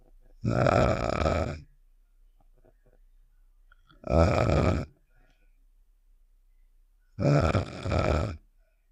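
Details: Cartoon sound effect of a character snoring, not a real recording: three slow, rough, rumbling snore-like breaths about three seconds apart with quiet pauses; imitation snoring.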